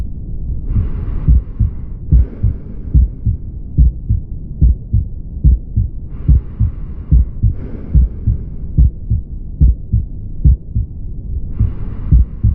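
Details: Aortic stenosis murmur: regular heartbeat near 72 a minute with a harsh whooshing murmur between beats, from a murmur sound compilation.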